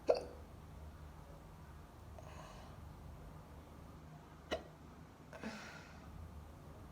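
Three abrupt, short hiccup sounds over quiet room noise, spaced a few seconds apart.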